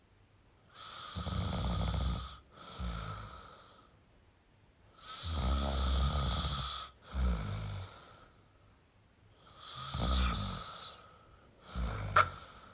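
Rough, rattling snores with breathing sounds, about 14 per minute, in a quiet room; snoring.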